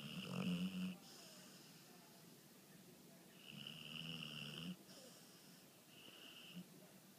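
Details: Deep sleeper who snores loudly enough to be heard in the next room: repeated low, buzzing snores on each breath with whistling tones between them, in a quiet room; snoring.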